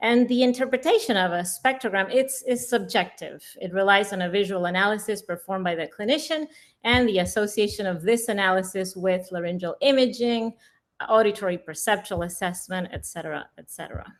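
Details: Adult female speaker; normal speech.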